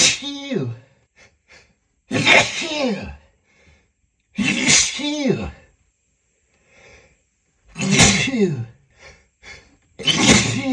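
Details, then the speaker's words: Simulated sneezing fit in an acted scenario, described as a lavender allergy: after trying to hold it back, five loud sneezes come in quick succession, each with a sharp gasping wind-up. "I'm so sorry, hun. I'm such a mess. I didn't want you to see me like this. But but I really can't help it. I got to sneeze."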